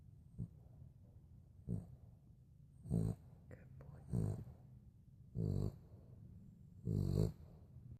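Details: A sleeping dog snores in repeated low, rumbling bursts that grow louder, with a quiet room between them: dog snoring.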